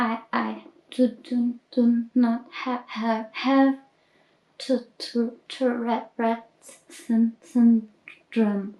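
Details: Child alter aged about 10-16 in a system with autism spectrum disorder, diagnosed about 5 years ago, and dissociative identity disorder, with physical and vocal tics and stims, repeating words or sounds; echolalia with word and sound repetition.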